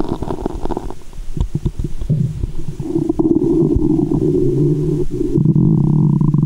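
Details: Adult woman's abdomen heard through a stethoscope in the belly button after candy and fizzy soda: loud, continuous gurgling and growling with some sloshing; active bowel sounds (borborygmi).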